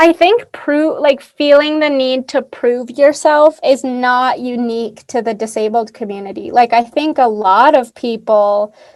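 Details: Adult woman speaking; typical speech.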